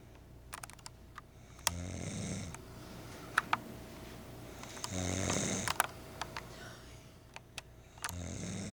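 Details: Person snoring loudly, likened to a motorboat: three rattling snores about three seconds apart, keyboard typing clicks in background.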